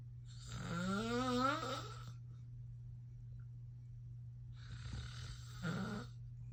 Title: FILMING MY DAD SNORING BIG SNORES AND A BIG YAWN ! *hilarious *